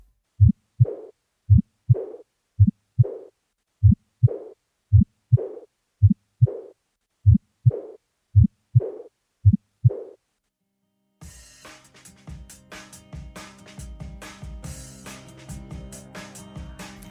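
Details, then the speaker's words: Aortic regurgitation in an educational heart auscultation podcast: mid-systolic murmur from relative aortic valve stenosis plus mid-diastolic (Austin Flint) murmur from the anterior mitral leaflet, as aortic backflow in diastole causes compensatory left ventricular dilation. "при этом может возникнуть два других шума мезо систолический в середине систолы из-за относительного стеноза створок артагон и так называемый мезодиастолический шум в середине диастолы"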